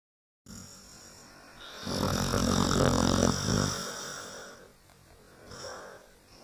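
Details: A sleeping dog snores with one long, rough, rumbling breath that rises and fades, then a softer one; he briefly wakes, then goes back to sleep.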